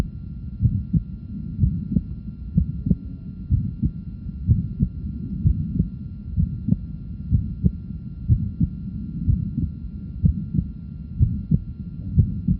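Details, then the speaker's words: Regular heartbeat about 62/min with an innocent systolic murmur and a wide split second heart sound that does not become single on expiration but does become single when sitting. "innocent systolic murmur and also a wider split of the second sound which does not become single with expiration"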